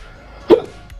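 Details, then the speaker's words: Single abrupt voiced 'hic' over low background music; adult hiccuping after eating a lot, following a 12-mile run while in a calorie deficit; hiccup. "I have the hiccups right now cuz I ate a lot"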